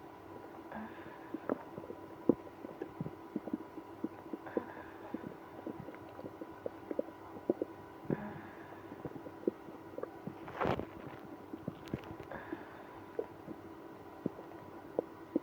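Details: Stomach growling in a person with irritable bowel syndrome after drinking milk and prune juice. Frequent soft gurgles and clicks with a few longer rumbling growls, one especially loud: active bowel sounds.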